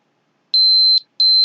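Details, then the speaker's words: Two short, shrill electronic beeps in a quiet room from a blood glucose meter finishing a fingerstick reading of 249. "I can't hear the beeping, so I always have to visually watch it."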